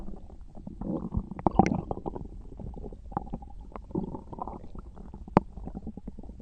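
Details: Low gurgling and bubbling rumbles with scattered brief pops: stomach rumbling (borborygmi).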